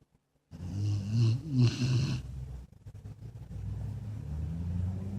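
Loud, deep, rumbling snore on the in-breath, then quieter rough breathing; heavy snoring.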